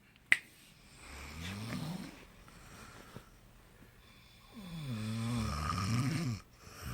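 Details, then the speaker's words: Two people snoring in turn, one starting then the other following: rough, rattling snores one after another, with a sharp snap at the start. Ordinary snoring. "에 먼저 코를 골면이어서 가 코를 굽니다"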